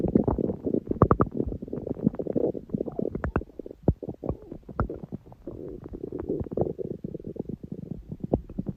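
Gurgling, bubbling rumbles with pops and squeaks from the belly; ordinary stomach growling.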